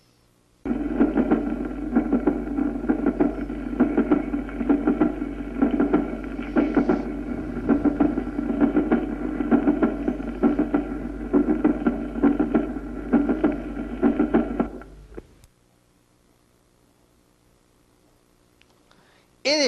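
Regular heartbeat near 66 a minute with a harsh systolic murmur and a split second sound: paradoxical splitting of S2 in aortic stenosis.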